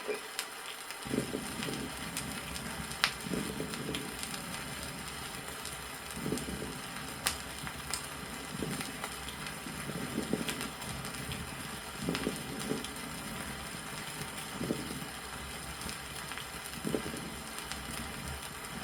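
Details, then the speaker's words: Old vinyl teaching record, lungs with pulmonary congestion: soft, dull, non-sonorous moist bubbling crackles over each breath, under heavy record noise. "при застойных явлениях в лёгких прослушиваются не звонкие влажные"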